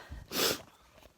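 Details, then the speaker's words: Repeated sneezing by an adult outdoors at sunrise, sneezing for about three minutes: sneeze. "okay i've been sneezing for about three minutes now uh i went outside oh no the sun is rising"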